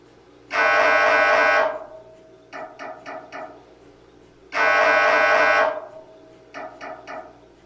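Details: MRI scanner noise: loud sustained buzzing tones alternating with short rhythmic knocking pulses, the gradient noise of a scanner at work. This is a sample sound to prepare patients, including children, for a scan.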